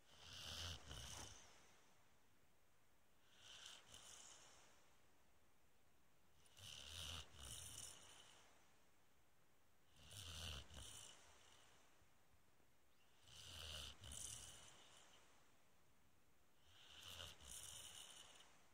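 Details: Sleeping Springer Spaniel dog snoring loudly: snorting, raspy snores at about 18 breaths a minute with a hissing edge; ordinary snoring.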